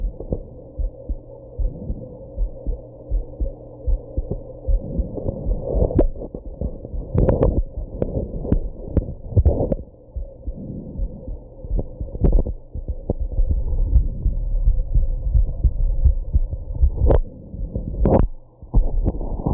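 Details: Heartbeat with hiccups after smoking and drinking a little at a birthday: low, muffled heartbeat thumps under a steady hum, broken by several sharp jolting hiccup bursts.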